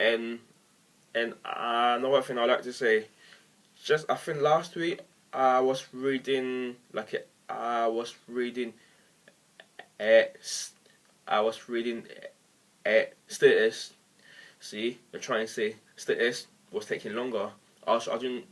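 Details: Stuttering in an adult man who has stammered as long as he can remember and uses techniques and pauses to hide it; this stretch has audible word repetitions.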